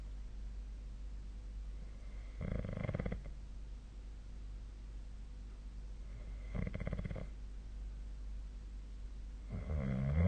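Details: Snoring during sleep: three rough, rattling snores about four seconds apart, roughly 14 a minute, over a steady low hum.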